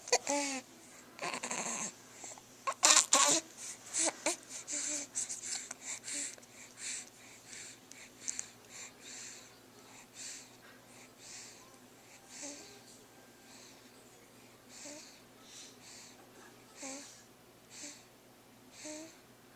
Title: Snoring